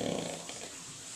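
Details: Adult man who keeps falling asleep (possible sleeping disorder suspected) gives one brief, loud, rough rattling snore that fades quickly into quiet room noise.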